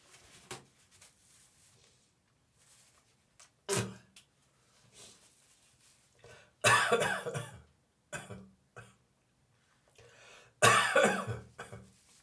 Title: Dry morning cough, gagging and spitting